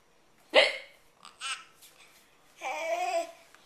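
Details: Child with hiccups: a sudden loud hiccup-like squeak followed by giggling and a drawn-out laugh.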